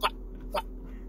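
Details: An adult man with Tourette syndrome makes two abrupt, brief throaty vocal bursts about half a second apart, which are simple vocal tics.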